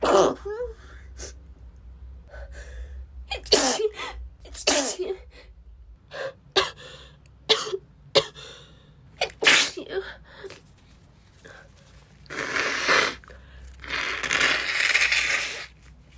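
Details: Female with a cold, sneezing repeatedly even while blowing her nose: a run of sharp, explosive sneezes with gasping in-breaths between them, the last ones long and forceful.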